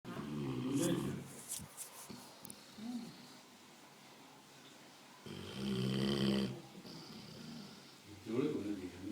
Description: dog snoring ..!!